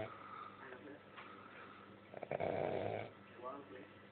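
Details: A dog named Peanut sleeping and snoring: a soft, rough, fluttering snore builds and fades in a quiet room.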